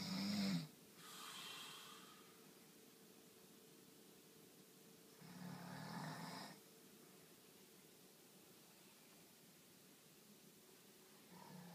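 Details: An adult snoring during sleep: two low, rough breaths about five seconds apart against steady room hum.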